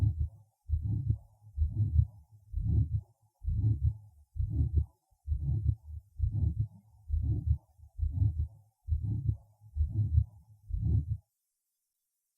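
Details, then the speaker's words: Second auscultation point (aortic area): combined aortic stenosis and aortic regurgitation; coarse murmurs filling systole and diastole, regular cycles, second sound over aorta sharply weakened or absent, systolic murmur radiating to neck vessels and subclavian region. "при этом определяется тахикардии второй тон надо орт и резко ослаблено или не выслушивается вовсе при этом систолический шум проводится на сосуды шеи подключичную область иногда между лопаточной пространство прослушайте фонограмму зарегистрированную во второй точке аускультации"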